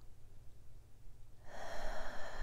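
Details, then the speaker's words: A quiet pause during guided breathing, then a single deep, smooth, unhurried inhale through the nose: normal breathing. "exhale inhale through the nose and exhale through the mouth"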